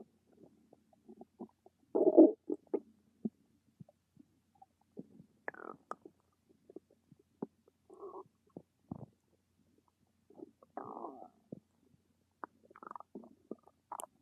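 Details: Scattered gurgles, squelches and brief rumbles of gas and fluid moving through the gut; stomach rumbling (borborygmi).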